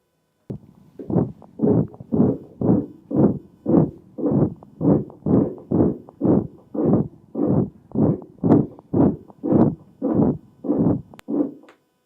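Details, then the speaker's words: Lecture audio example: a rough, rasping murmur like a saw cutting a log, with every beat at about 118 a minute; a harsh systolic ejection murmur from aortic or pulmonic outflow tract obstruction. "So harsh systolic murmurss are caused by obstructions of the outflow tract with either aortic obstruction or pulmonic obstruction."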